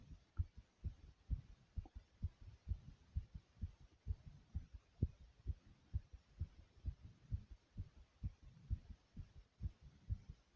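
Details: Person's heart beating very fast and strong after doing jumps in place: strong, regular low thumps at roughly 130 beats a minute with a faint steady hum; tachycardia after exercise.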